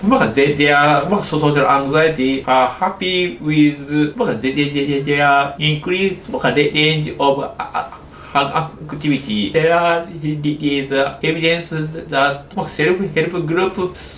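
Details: Childhood-onset stuttering (developmental fluency disorder) in an adult male doctor in Japan who stutters, speaking English.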